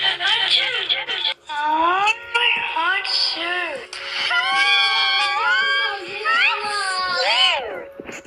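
Loud, sustained, high-pitched wailing in long rising and falling bursts with brief catches of breath: an infant crying hard.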